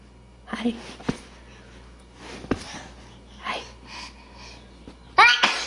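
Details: Babies sneezing, from a compilation: several small, sharp bursts of air with faint voice, typical infant sneezes, then a louder squeal, in a quiet indoor room.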